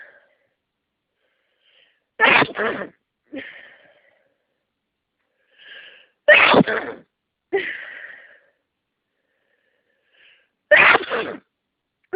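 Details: Allergic sneezing deliberately triggered by inhaling a massage bar the person is allergic to, with sinus congestion: three loud sneezes, each with a quick indrawn breath before and a trailing exhale after, with quiet gaps between.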